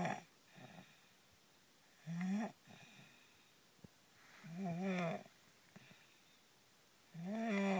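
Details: A loud snorer asleep in a car: soft breaths punctuated by short squeaky, whistling snores every few seconds, with quiet vehicle hum behind; snoring during sleep.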